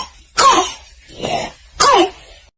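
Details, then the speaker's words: Child's croup-type cough from acute laryngitis with laryngeal swelling: three harsh, hollow, barking coughs in quick succession; severe cases may add an inspiratory stridor causing breathing difficulty. "儿童出现这样持续剧烈的咳嗽，并且发出这样的空空声或者犬吠一样咳嗽的时候呢，一定要警惕急性喉炎这个病，它会导致儿童出现喉头水肿，出现气道的阻塞，严重呢会出现呼吸困难，吸气时会发出这样拉锯或者吹哨一样的喉鸣声。"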